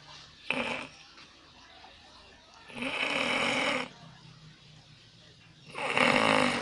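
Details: Loud snoring from a sleeping person, recorded on an Alcatel Onetouch Flash Plus phone: harsh, raspy snores on breathing in, about every three seconds, with quiet breathing between.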